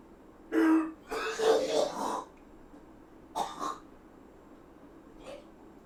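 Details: Adult with self-described smoker's cough, cooking, accidentally breathed in pepper fumes: several harsh coughs and throat clearing in a small room; irritant cough.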